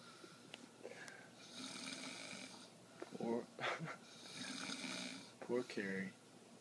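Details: Person snoring in sleep: noisy, rough breathing with snoring on the breaths and snorting catches, fairly irregular, in a quiet room.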